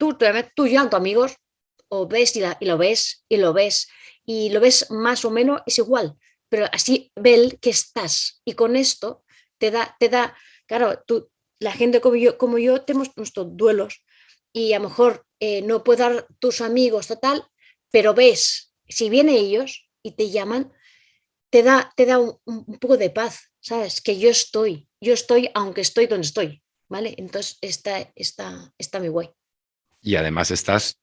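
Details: Spanish-speaking woman with aphasia for about two to three years after a stroke, with word-finding difficulty, repetitions and paraphasias, relying on phone photos and family to communicate; non-fluent aphasia.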